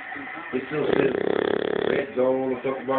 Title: Bulldog snoring